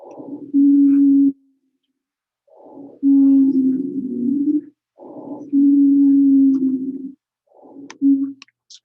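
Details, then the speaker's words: Breathing with a brief, clear intake and a long, steady musical whistle on each breath out, played as a teaching example of airway obstruction in a BLS CPAP lecture: expiratory wheeze. "that's what we're hearing is expiratory wheeze you guys heard queer long sounds on the way in right and only the wheezing on the way out"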